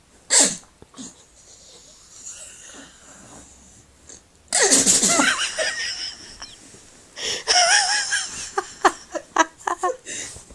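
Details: Several sharp, hissy sneezes with snorting breaths between them from a Staffordshire bull terrier dog.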